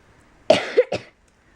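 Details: 9-year-old boy coughing in background during story reading: a single short, dry double-burst cough in a quiet room.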